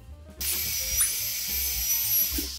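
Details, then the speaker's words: Steady high-pitched dental drill whine with small pitch dips, a changed bur smoothing the whole surface of a tooth to about 0.5 mm for laminate veneer preparation: dental drill. "이렇게 삭제하고 난 다음에는 버를 바꿔서 치아를 전체적으로 다듬어 주게 됩니다."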